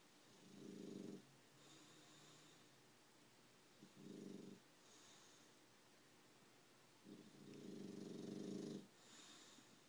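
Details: Pet snoring while napping in an office: soft, rhythmic snoring, three low rattling inhalations each followed by a faint airy exhale, over steady room hum.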